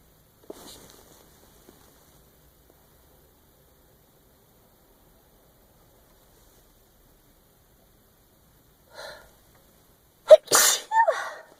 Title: Still Sneezing!